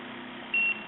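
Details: Single short high beep over a steady hiss as a rise-time delivery setting (fast, medium or slow bolus) is changed on a SeQual eQuinox portable oxygen concentrator.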